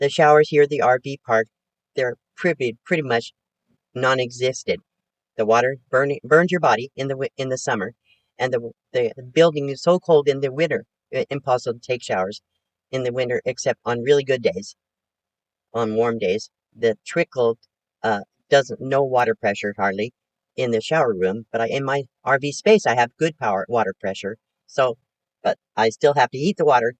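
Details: Aphasic speech in a 72-year-old woman recovering from her second major stroke, trying to talk more slowly; repetitions, self-corrections and word-finding difficulty.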